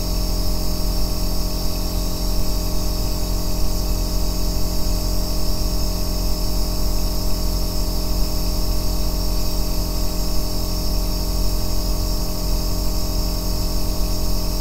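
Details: Aerosol nebulizer compressor running continuously for a 2-hour sleep and relaxation recording: steady, unbroken deep bass droning hum with no breaks or changes.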